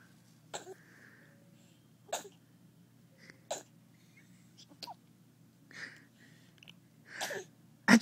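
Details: Young child 'sneezing' along with her father: several short, soft sneeze-like bursts spaced through quiet room noise, one louder burst at the end; imitated sneezes.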